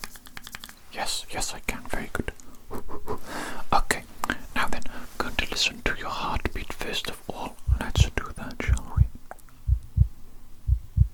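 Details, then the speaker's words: Roleplay stethoscope listening to the heart: soft whispering, then a steady, strong heartbeat at about 60 beats per minute with regular paired thumps; normal heart sounds. "we very good that's a strong heartbeat that's an excellent heartbeat actually excellent heartbeat actually brilliant brilliant"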